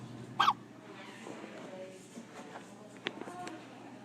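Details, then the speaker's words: Baby falling asleep with hiccups: two brief, abrupt catch sounds about two and a half seconds apart over quiet room noise. "you got hiccups like your daddy"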